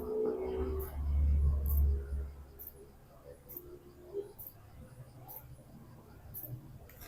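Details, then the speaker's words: Mooimom M3 wireless hands-free electric breast pump at level 9 stimulation mode (short suction 150 mmHg, long 200 mmHg): faint rhythmic clicking and soft motor pulses as it cycles suction, after a brief low thump. "aku naikin lagi nah ini level 9 Nah hisapan kecilnya Dia ee di 150 kemudian hisapan panjangnya nanti dia akan tetap di 200 mmhg"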